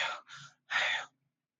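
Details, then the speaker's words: Breathy, hollow 'haa'-like blowing on both inspiration and expiration, imitated by mouth while teaching chest auscultation: tubular (bronchial) breath sound, as heard over consolidated lung. "Todos inspiratorios y expiratorios, todos escucho en la entrada y salida. El tubárico en"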